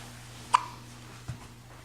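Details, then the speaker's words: Young boy with hiccups: a single sharp, brief hiccup catch of the breath, then a softer second sound, in a quiet room. "Do you have the hiccups?"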